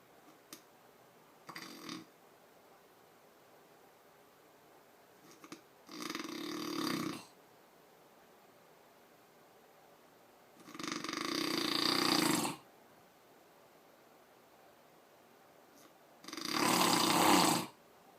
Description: now that's loud snoring